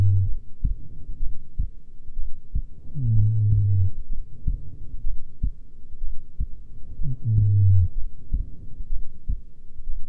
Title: Female heartbeat during resting